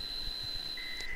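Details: Simulation of tonal tinnitus from an audiology conference demonstration of tinnitus types for subjective tinnitus testing: a steady high-pitched whistle, joined near the end by a second lower steady tone, over a faint low rumble.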